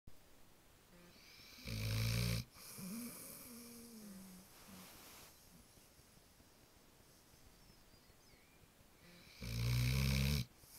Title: American Bulldog snoring